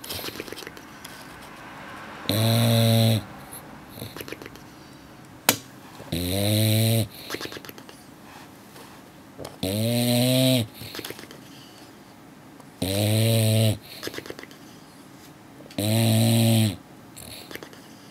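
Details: English Bulldog lip snoring while asleep after a long day at the beach: loud, regular buzzing snores about 19 per minute, with quiet breathing between. He occasionally snores like this after long weekends of play and hiking.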